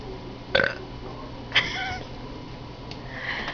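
Two short, loud burps about a second apart, then a faint trailing sound, over quiet room noise.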